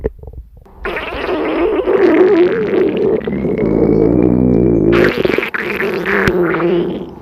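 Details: A long, warbling, gurgling rumble lasting several seconds with bubbly shifts in pitch: a woman's hungry stomach growling (borborygmi).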